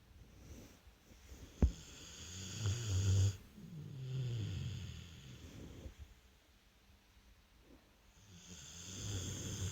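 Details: Sleeping American bulldog: deep, rattling low snores with snorty breaths; loud snoring.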